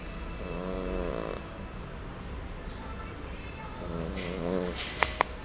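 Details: Cat in deep sleep: two soft, buzzing rattles on the in-breath over room noise, with a few clicks near the end; snoring.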